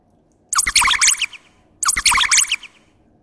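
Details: Small Chihuahua dog, a rescue, suddenly coughing as if hyperventilating, cause unknown, settling soon after being stroked: two short bursts of rapid, harsh, snorting cough pulses; paroxysmal cough.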